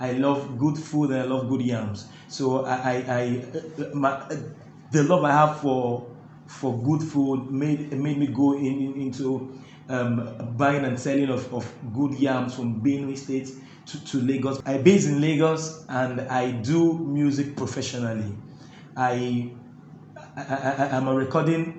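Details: Adult male with stuttering (stammering) that makes talking difficult, while his singing flows with ease; the interviewer notes he stammers a bit; stuttering.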